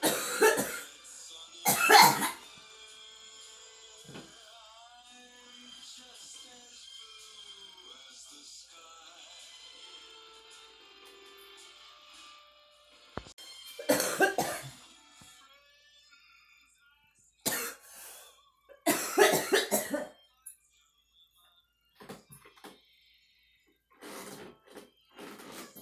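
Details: Acted, simulated harsh coughing bursts with a retching, gagging quality from a girl, separated by stretches of soft background music.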